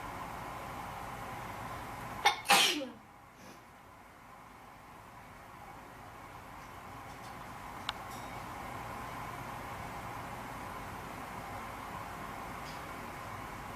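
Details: Deliberately induced sneeze: a quick intake followed by one sharp, explosive sneeze, then quiet room noise.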